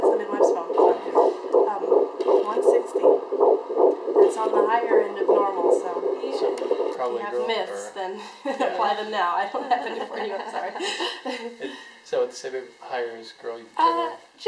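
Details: Fetal heartbeat on Doppler: fast, regular whooshing at about 160 a minute, higher end of normal; family guesses a girl, possibly a boy.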